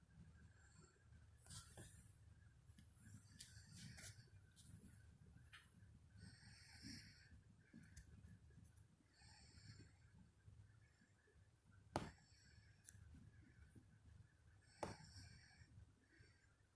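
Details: Low, rattling snoring from an adult woman asleep, with occasional snorts and brief sharp noises; snoring.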